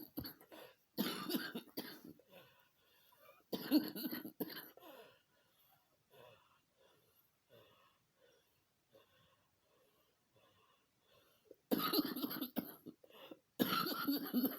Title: another day another cough